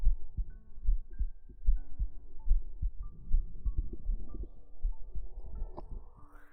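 Steady low thumping heartbeat at about 73 beats a minute, with soft music and tones layered over it.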